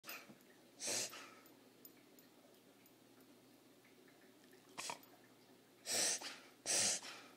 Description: Our dog Reverse Sneezing